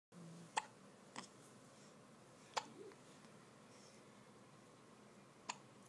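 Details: Hiccups: four sharp, abrupt clicks at uneven intervals over about six seconds, in a quiet room.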